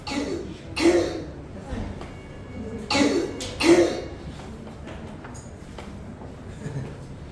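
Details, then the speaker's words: Pediatric croup: harsh barking coughs in several separate bouts, the characteristic seal-like barking cough (tos perruna) of croup. "Ese es más característico. Esa es la tos perruna."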